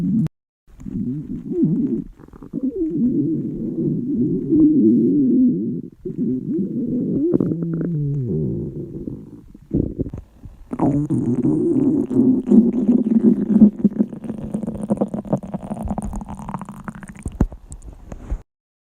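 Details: Long, loud gurgling and rumbling stomach growls from hungry girls: normal hunger-related stomach growling (borborygmi).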